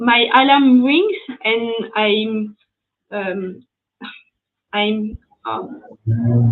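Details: Post-stroke aphasia in a French woman speaking English, after an ischemic stroke at age 22 in July 2011; mute for 10 days, one year of rehabilitation, then spoke very badly even in her native language; speech still recovering.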